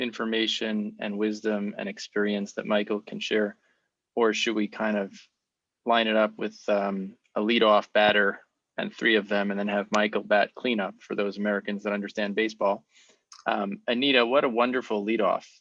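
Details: Adult man speaking; fluent speech.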